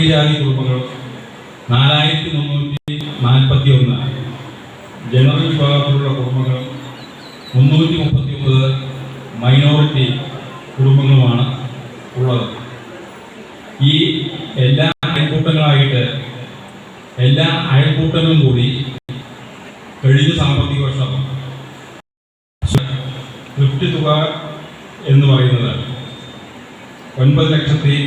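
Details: Stuttering in a person speaking Malayalam on stage after speech therapy, controlled with a pausing speech technique.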